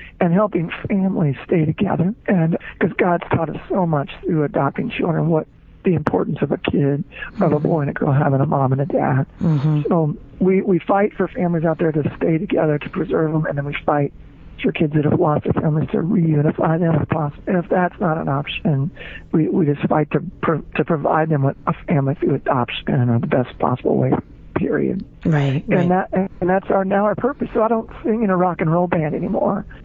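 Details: Adult male former rock lead singer with diagnosed spasmodic dysphonia, involuntary spasms of the muscles around the larynx, which left him unable to sing; spasmodic dysphonia.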